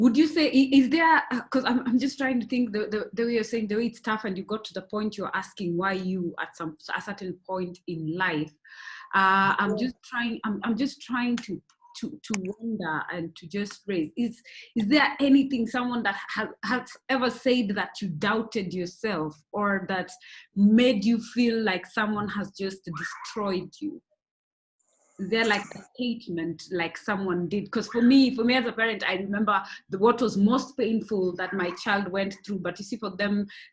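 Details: Adult woman speaking; ordinary speech.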